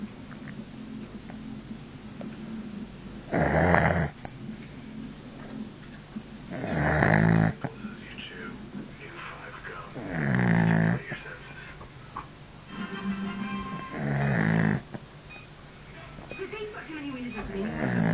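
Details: Dog sleeping with head back and mouth open, snoring: slow, rumbling snores, about four in 18 seconds, over steady room noise.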